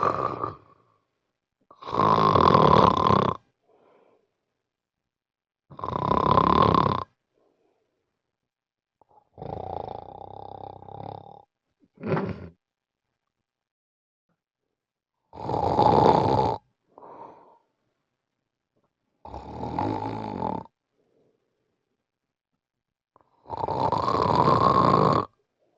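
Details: Loud, harsh rattling snores recurring about every three to four seconds in severe obstructive sleep apnea.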